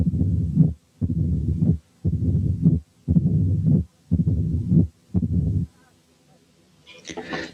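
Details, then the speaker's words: Mitral stenosis at about 58/min: a low-pitched mid-diastolic rumble with the patient supine, which lengthens to fill diastole with presystolic accentuation as the patient turns onto the left side. "دلوقتي هنسمع حاله ماترال ستينوزس والمريض نايم على ظهره، هنسمع الميد دايستوليك مامر. بعد كده لما يلف وينام على جنبه الشمال المامر هتطول وتطول لغايه ما تملى الدايستلي ويبقى لها بري سيستوليك اكسنتويشن."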